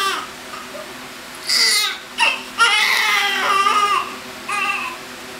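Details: Healthy newborn cry on the day of birth, 9 lbs and 21 inches long, crying as soon as he came out: strong, loud, repeated bursts with breaths between.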